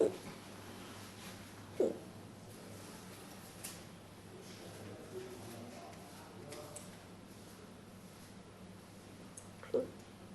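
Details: Almost 3-month-old giant panda cub at Berlin Zoo: soft, abrupt little jerky sounds at irregular intervals, four or five in ten seconds, over quiet room noise; a bout of hiccups.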